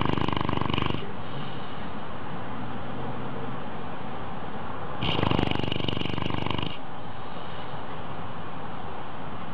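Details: Sleeping cat snoring: two rough, rattling snoring breaths with steady low background noise between them.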